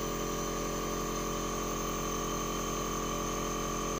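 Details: Steady mechanical hum with a constant whine and fast faint pulsing: a nebulizer compressor running for a DIY nebulizer chamber used in asthma treatment.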